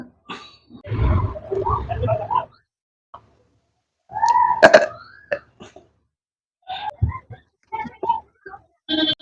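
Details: Burping challenge after eating Lahori jeera: several deep, throaty burps with short gaps, some drawn-out and croaking, others brief, as repeated belching (eructation).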